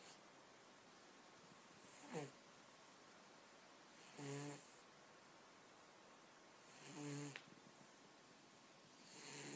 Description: My Cat snores and dreams while taking a much needed cat nap.